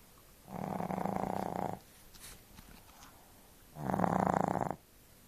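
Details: Layla, a 5-month-old pug puppy, snoring like an old man: two long, rattling, fluttering snores about three seconds apart in a quiet room; snoring.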